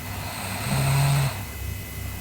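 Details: Sleeping girl: a single low, rattling snore lasting about half a second on the in-breath, over steady room hum; snoring.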